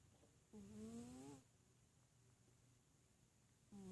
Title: MAC snoring